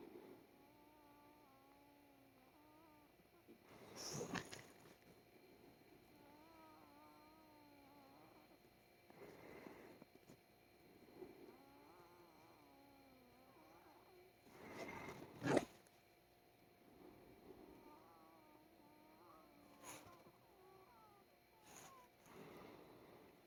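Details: Person wheezing severely when lying down: wavering, musical whistling tones alternating with noisy breaths about every five seconds; wheezing.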